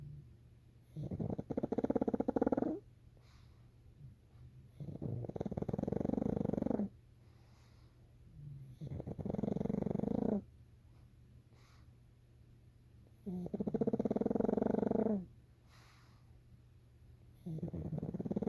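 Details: Sleeping pug snoring: loud, rattling snores about every four seconds, roughly 15 a minute, each a long buzzing inhalation followed by a quiet pause.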